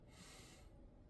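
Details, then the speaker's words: Adult male patient sitting up, stethoscope on the back of the chest: a single deep, airy breath fading to quiet; normal deep breathing. "So I'm going to listen to the back of Mr. Mukasa's chest."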